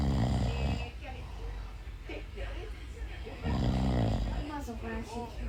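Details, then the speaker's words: Baby napping beside his snoring father without waking: loud, rough, rumbling snores on the in-breath, repeating irregularly during sleep. "cuando duerme en la siesta el bebé y el papá ronca no entiendo cómo no se despierta con el"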